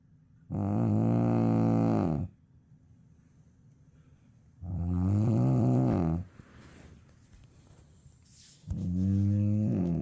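Loud, low rumbling snores on each breath in, about 15 a minute, with quiet pauses between them.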